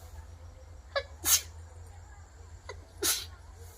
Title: Sneezing and nose blowing challenge video